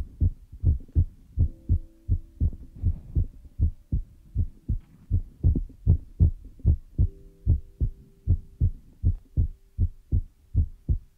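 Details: ASMR ear-massage recording with feather rod and brush sounds; steady soft low thumps about 79 a minute with a faint hum behind: ordinary heartbeat rhythm.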